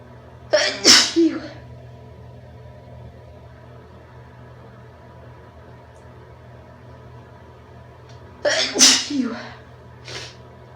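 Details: Induced sneezes in a female: two forceful sneezes, each with a sharp intake and explosive burst, about eight seconds apart, then a softer exhalation.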